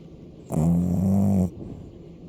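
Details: Loud snoring: a single loud, buzzing, rattling snore lasting about one second.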